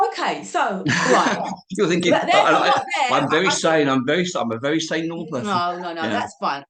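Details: Adult man of about 51-52 with cerebral palsy, also living with HIV, describing his own speech impediment; dysarthria (cerebral palsy).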